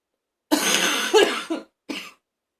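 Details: Person in a bathroom feeling like throwing up: a long, harsh, rasping cough burst with retching sounds, then a shorter cough, in a small echoing room; harsh coughing with gagging.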